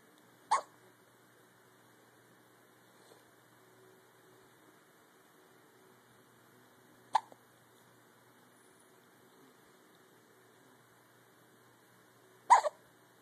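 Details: Three abrupt, sharp hiccups about six seconds apart against a quiet background hum; hiccups.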